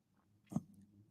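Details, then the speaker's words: Snoring dog sleeping at the owner's feet in an office, tired out: a single low, rough snort against faint room hum. "as some of you can already hear there is a snoring dog at my feet so the dog snores have already begun"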